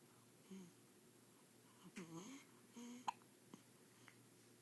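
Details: Hiccups: a sudden sharp hiccup click and a couple of fainter catches amid soft vocal sounds in a quiet room.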